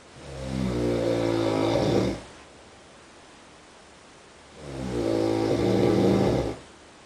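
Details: Snoring from the next room in a Hong Kong hotel, muffled through the wall: two loud, rumbling, vibrating snores with a quiet pause between them, roughly 13 breaths a minute.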